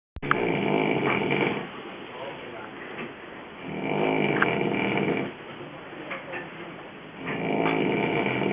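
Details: A person snoring in the morning during a trip: loud, rough snoring on breathing in, about three snores over eight seconds, with quieter breathing out between them.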